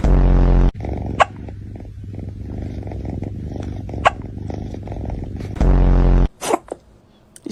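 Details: Cat burping after eating its food too fast: two loud, low, rumbling belches with a softer purr-like rumble between them.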